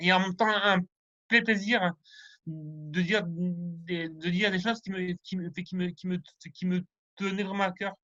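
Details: Male French speaker who stutters, rehearsing a semi-final contest speech, with sound and word repetitions, fairly fluent overall with stuttering arising from time to time; stuttering.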